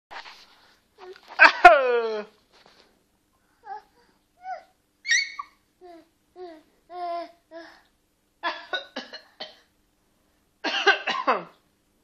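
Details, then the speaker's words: A young child playfully fake-coughs and babbles, imitating a parent's cough rather than truly coughing. "Sen bacak kadar boyundan numara mı yapıyorsun? Gel buraya gel. Abo bu kız da hasta ya. Nasıl öksürüyor ha?"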